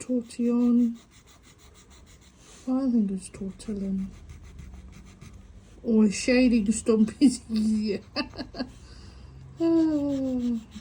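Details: Adult woman with a stutter mainly on vowel-initial and W words, coping with breathing techniques; stuttering.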